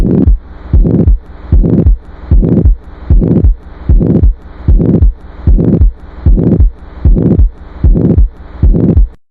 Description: Learn to identify different heart murmurs by listening to their unique sounds with me!